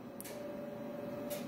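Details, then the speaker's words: Monopolar electrosurgical pencil (Bovie), yellow button cutting current at high output: steady high-pitched tone distinguishing it from the lower-toned blue coagulation button, letting staff hear which mode is pressed. "노란 색깔 커팅의 전류의 소리고 파란 색깔 소리가 다르죠 고출력이라 더 자르는 효과가 나오는 거고"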